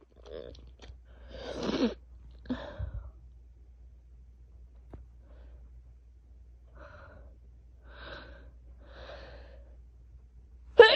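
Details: Adult with a cold, sneezing freely in a quiet room after stifling sneezes for a long time: a few short bursts, with a forceful sneeze near the start and another cut off at the end. Sneezing.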